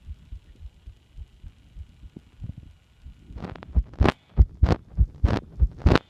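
Regular low heart thumps near 95 a minute, with a hiss of breath-like noise over the later beats; heart sounds through a stethoscope.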